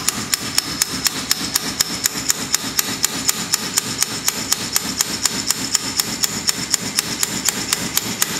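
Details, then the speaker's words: Rapid regular sharp metallic taps, about four a second, as a weighted handle drives a humeral trial into the humerus, elbow flexed 90 degrees, reverse shoulder arthroplasty instrumentation workshop; mallet impaction of humeral trial. "y finalmente el mango que viene con un peso que nos permite hacer la introducción"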